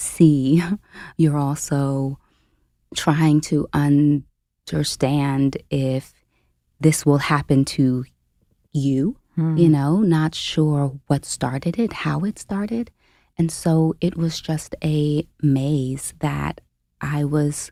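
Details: Stuttering in an adult woman, a caregiver who became full-time at 29, who self-reports having a stutter in conversational speech.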